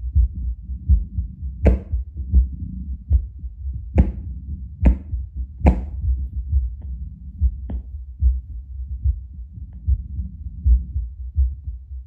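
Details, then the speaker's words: Adult's own heartbeat via Littmann CORE Bluetooth digital stethoscope, about two minutes after drinking espresso: steady, deep thumps about 77 a minute, felt as slightly stronger, rate little changed, occasional handling clicks. "Sounds like my heart's just beating a little bit stronger."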